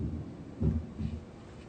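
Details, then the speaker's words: Normal heart on a heart-sound simulator (Harvey) heard over the tricuspid area during PA student training: one low lub-dub pair, no murmur; normal heart sounds. "So right now you're listening to essentially a normal heart. It kind of sounds like that if you can hear it in the background."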